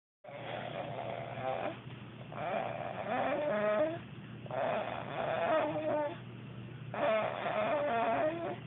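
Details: Loud, rough, fluttering snores in long repeated breaths every few seconds on a muffled 2010 recording; loud snoring.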